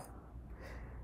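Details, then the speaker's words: French Bulldog with nasal trouble on a heavy-pollen day, nose wiped but still breathing with difficulty: short, low, rough snorting breath with nasal noise on the airflow. "look I'm sorry you're going to hear like snorts I don't know what's going on um the pollen was really heavy today so Lulu's having some concerns I wiped his nose out but he's still having some trouble with breathing"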